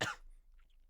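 A single short, loud cough burst from an adult, followed by quiet room noise.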